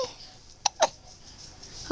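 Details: Baby girl under 2 months old, with two brief, sharp catching sounds close together; hiccups.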